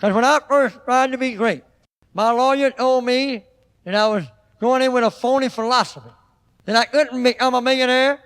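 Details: Adult man with a cleft lip (self-described "hare lip") on an old record; his speech impediment is noted as very apparent; cleft lip and palate speech with hypernasality.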